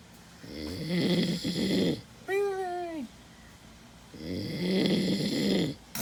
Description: Army Soldier Snoring Hardcore after the battle match and shoot and drill sgt destroys him with sounds.